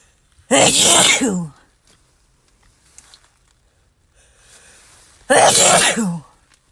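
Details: Two loud, explosive sneezes several seconds apart, each a brief voiced burst with a falling end; ordinary sneezing from a compilation of sneeze clips.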